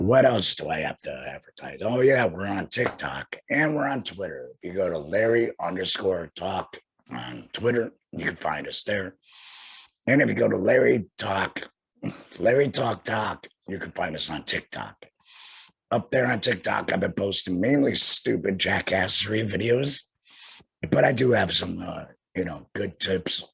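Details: Adult man two years after total laryngectomy for cancer, speaking via tracheoesophageal voice prosthesis while finger-occluding his stoma HME, needing a breath every sentence; tracheoesophageal speech after total laryngectomy.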